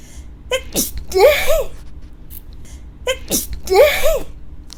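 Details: Two sneezes induced by a Covid-19 nasal swab test in young women, each a short gasping intake then sudden burst, over background music.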